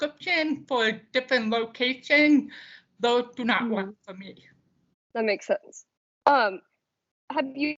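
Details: Deaf speech of an adult woman from the deaf community.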